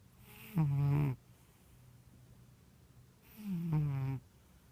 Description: Our Ragdoll snores when she is really relaxed.